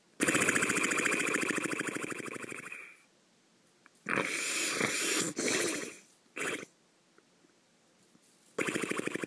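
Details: Person's own deep snoring: long, buzzing, fluttering vibrating breaths in repeated bouts separated by quiet gaps.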